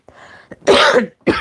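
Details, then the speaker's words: Adult woman with a cough that has kept her from making videos: a loud, harsh cough with a second burst, consistent with a mucus-laden productive cough. "that's why I've have taken a very very long break because I'm not able to make videos when I'm coughing"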